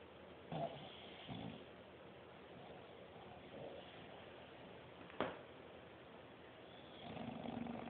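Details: Soft, irregular snoring and snorting breaths over steady room noise during sleep; ordinary snoring.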